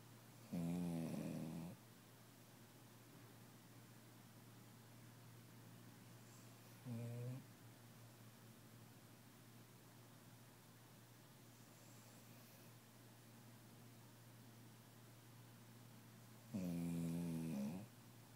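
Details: A snuggly, sleeping vizsla dog: three rumbling snores, one short, spaced several seconds apart over a steady low hum in a quiet room; snoring.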